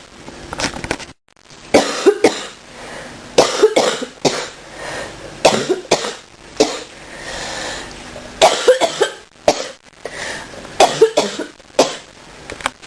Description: Getting over a cold & bronchitis, but feeling much better. At first tried to hold the coughs back but that didn't work very well.